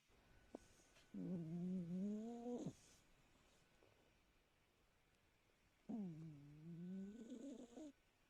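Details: Rescue cat asleep, snoring with two long, high-pitched, whistly sounds several seconds apart, in a quiet room.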